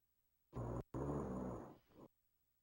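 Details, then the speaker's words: A sleeping dog snores loudly: a short rough snort, then a longer, low, rattling breath that fades out. "If you snore again, you're fat. This kid snores, he's fat."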